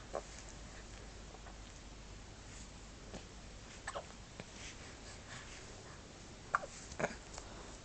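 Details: Hiccups: several brief, sharp catching sounds at uneven intervals over steady room noise.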